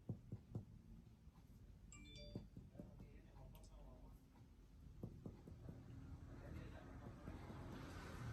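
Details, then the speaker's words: Soft finger-percussion taps on a 30-year-old man's chest, moving down from the right clavicle to find the upper liver border, where resonance turns dull; liver span reported normal; low room hum: percussion of the upper liver border. "selanjutnya kita bisa mencari pada batas dari hepar atau hati dimana kita menilai yang pertama yaitu batas atas dari hati kita bisa memulai lakukan perkusi yaitu pada ramai klavikula kebawah"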